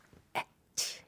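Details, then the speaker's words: An adult imitates a sneeze of a large-built middle-school friend: a short sharp catch, then a long, high, jet-like hissing blast that fades out; imitated sneeze. "정말 제 친구 중 제 1번 방송에서 말한 적도 있는데 덩치는 큰 편이거든요 4 중학교 동창인 데 지난주에도 맛난데 얘는 제트기 1 테요"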